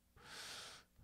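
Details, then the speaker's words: A sleeping female pet dog snoring in the background during a podcast recording, a single soft, hissing, airy breath with little low rumble: snoring. "I don't know if you guys can hear I can hear it I don't know if you can hear it but my dog is snoring and it's kind of distracting me"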